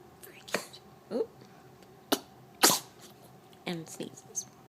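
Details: An infant girl who has hiccups makes a few short, sharp bursts and one louder sneeze-like burst with small vocal sounds in a quiet room; infant sneezing.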